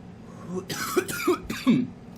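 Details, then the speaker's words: Adult coughing right after inhaling from a Strawberry Cough cannabis oil vape cartridge, self-described as having "baby lungs": three or four harsh, dry cough bursts in quick succession, an irritant cough. "I tend not to hold them that long because, as many of you have accused me, and as I have accused myself, I got baby lungs, son."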